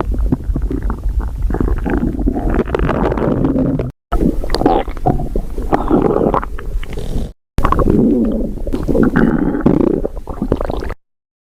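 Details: Stomach growling (borborygmi): loud, continuous gurgling and rumbling in three long bursts separated by short gaps; ordinary bowel sounds.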